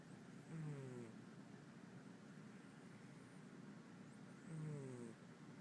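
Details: Snoring in a sleeping cat: two low, rumbling snore sounds about four seconds apart over a steady room hum.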